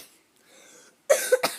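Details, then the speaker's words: Two to three quick, harsh coughs after a brief quiet pause, faint background sound; the speaker says they have a bad cough today. "Sorry, I have a bad cough today."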